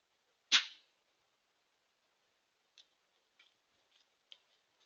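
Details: Deer giving one sharp, explosive, hissing snort or sneeze followed by a few faint soft puffs; the uploader suggests ragweed allergy season.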